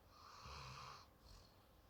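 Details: Sleeping pet snoring while holding the owner's hand in deep sleep; the snoring sometimes wakes the owner at night.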